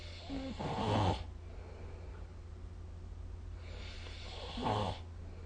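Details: Snoring recorded with the SnoreLab smartphone app: two low, rumbling snores on the in-breath, about four seconds apart, over a steady hum; ordinary snoring.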